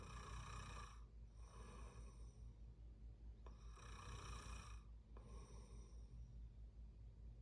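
Steady, rattling snores with each breath, about one breath every two seconds, over a constant low room hum.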